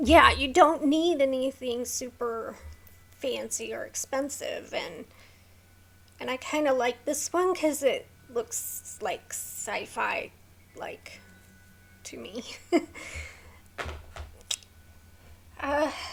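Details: Woman with a neurological condition causing tremor of hands, voice and head, plus mild tardive dyskinesia; her throat has become sore from straining to talk; vocal tremor.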